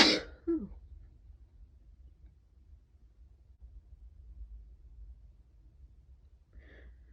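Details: Stifled sneezes, then let-out sneezes with one or two false starts: a forceful sneeze burst, quiet room noise, then a faint, stifled second sneeze near the end; sneezing.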